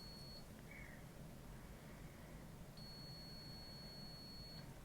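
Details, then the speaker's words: Feeding pump alarm: one short high-pitched beep, then a longer one, over room hum. The hospitalised patient, unable to eat or drink for over two weeks, is fed through a nasal tube that bypasses the stomach. "n station my uh feeding tube is beeping I'm sorry what was that feed pump beeping okay I'll let you"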